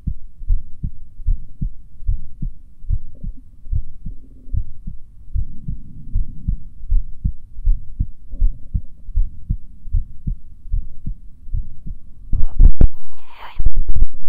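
Steady low thumping heartbeat through a stethoscope, roughly 100 beats a minute, with handling noise near the end.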